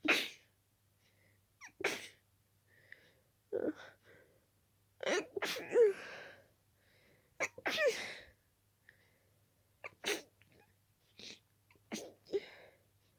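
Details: Rapid run of wet, stuffy sneezes, several stifled, barely a breath between; intensely itchy, flaring nose, allergic sneezing fit from dust allergy.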